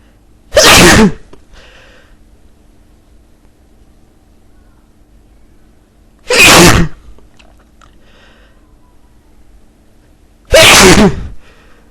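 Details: Three loud, forceful sneezes several seconds apart, each followed by a short sniff, over a steady low room hum; powerful sneezing.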